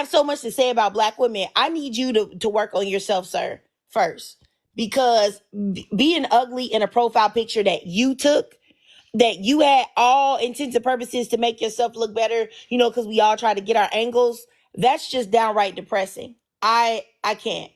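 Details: Adult woman speaking; ordinary speech.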